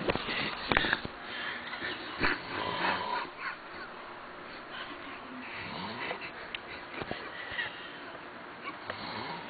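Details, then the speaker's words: Adult man asleep, filmed to capture his snoring; rough, irregular snoring breaths with some room noise; snoring. "a gente vai acender a luz e vamos filmar ele roncando"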